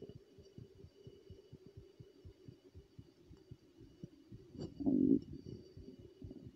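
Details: Steady, muffled low thumps of a male heartbeat recorded while smoking, roughly 100–110 a minute, with a brief louder noise partway through.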